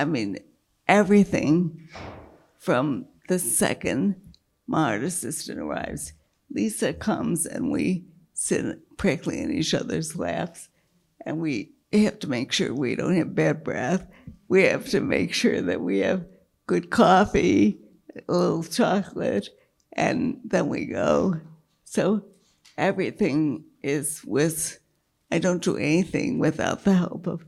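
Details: Dysarthria with reduced breath support in a woman with multiple sclerosis progressed to quadriplegia, whose failing diaphragm makes keeping her voice a struggle; she earlier lost her voice and word-finding after a large brain lesion and brain surgery.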